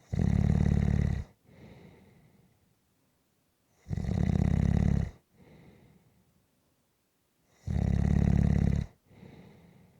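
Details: Snoring during a nap: loud, regular snoring at about 15 breaths a minute, a harsh rattling snore on each breath in, followed by a quieter breath out.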